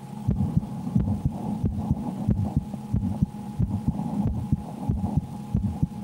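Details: Woman's heartbeat through a stethoscope while she plays a Slender Man horror game, changing with her fear; regular lub-dub heart sounds at a brisk rate near 90 a minute.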